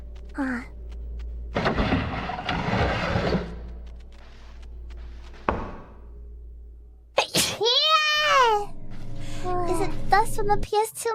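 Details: Short bursts of noisy, explosive sneezing from a VTuber during a game livestream, followed by a high, swooping vocal sound.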